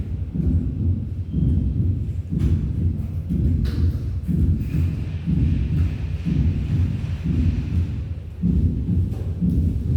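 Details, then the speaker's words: Fourth heart sound (S4): regular low heart sounds at about 60 a minute with an extra soft sound in diastole just before the first heart sound. "Y este es un cuarto se adelante del primer domingo."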